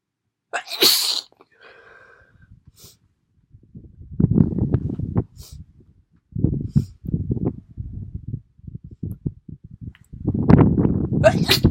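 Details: One sharp sneeze, then sniffing and several bursts of rough, low, honking nose blowing.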